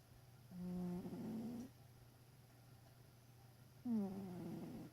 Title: My cat snoring.